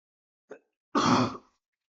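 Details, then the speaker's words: An adult man recording a spoken project presentation makes a small throat sound, then one harsh half-second cough or throat clear. Cough / throat clearing. "Mohon maaf kalau ee dari penjelasan ini banyak yang kurang atau mungkin terdengar suara batuk-batuk."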